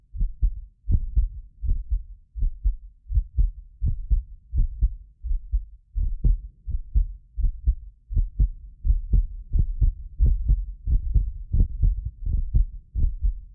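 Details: Real heartbeat of a medically fit person recorded with multiple precision contact microphones: steady paired lub-dub at about 80 a minute, occasional doubled clicks from a ~6 ms inter-microphone delay, not heart disease; normal heart sounds.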